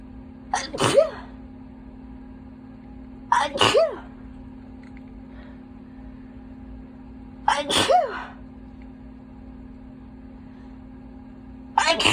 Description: I’ve been holding back sneezing alll day so i induced all my itchiness out